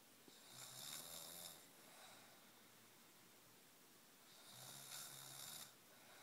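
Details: Gentle snoring: soft, hissing snores with a light low buzz, two breaths in about six seconds.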